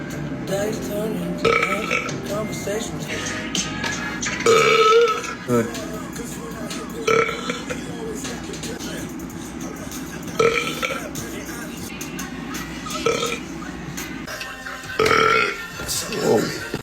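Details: Burping in a shirtless man, with several loud, drawn-out belches over background music and some talk.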